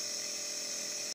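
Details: Steady high-pitched whine of a nebulizer compressor running continuously during a breathing treatment for a patient with breathing trouble who is breathing better already.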